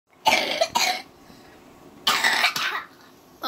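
Two pairs of short, harsh cough bursts from a child, about four coughs in all, separated by quiet pauses; a cough.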